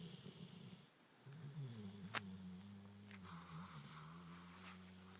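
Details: Snoring: a low, steady, droning snore with a buzzing tone through a long breath, with one brief click in the background.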